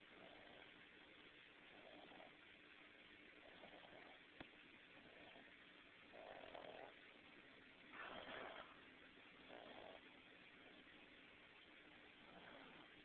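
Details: 13-year-old shelter dog sleeping with eyes not fully shut; soft, regular breathy snores roughly every one and a half seconds over steady background hiss; snoring.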